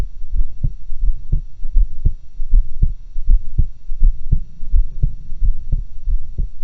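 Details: Own normal heart sounds recorded through two stethoscopes at once, a new stereo-like recording method.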